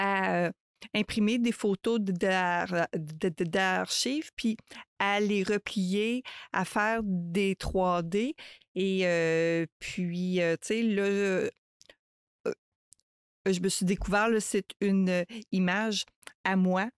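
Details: Adult woman who stutters, a mother of two, speaking French in a real podcast interview; stuttering.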